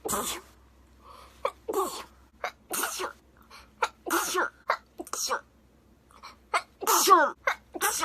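A rapid run of repeated sneezes, around eight to ten bursts with short catching breaths between them. This is a sneezing fit.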